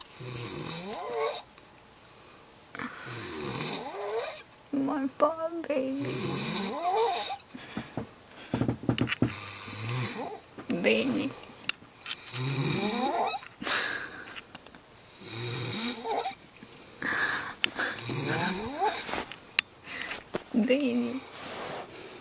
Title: My superman snoring